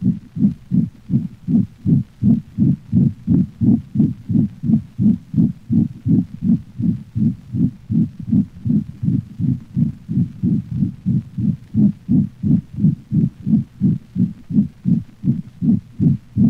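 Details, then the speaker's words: Dog, congenital pulmonic stenosis: fast regular heartbeat with a loud, high-frequency, musical crescendo-decrescendo (diamond-shaped) systolic murmur building until late systole, heard best along the cranial left ventral thorax; may obscure other heart sounds. "for this reason it has been called a crescendo decrescendo or diamond-shaped murmur it is a high frequency sound heard most distinctly along the cranial left ventral thorax"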